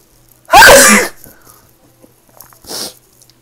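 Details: An adult deliberately making themselves sneeze in a quiet room gives one loud, explosive sneeze, followed a moment later by a softer exhaled breath or sniff.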